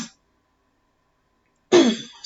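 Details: After a short silence, a 37-year-old woman gives one brief, harsh, partly voiced throat clear; she says she has tics when nervous; throat clearing.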